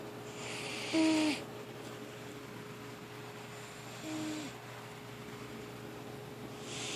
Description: My cat sadie snoes :3